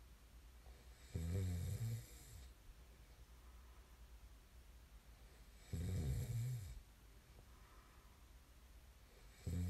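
Low, rumbling snores on each breath in, about 13 a minute, with quiet breathing between and steady room hiss.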